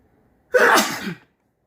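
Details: A single forceful, wet-sounding sneeze from an adult, a normal reflex to clear the nose: sneeze.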